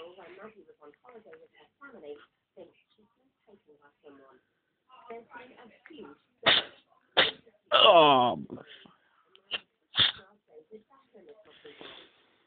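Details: Pet trying but failing to sneeze: several short, sharp nasal bursts mixed with soft vocal sounds, incomplete sneezes that never fully release.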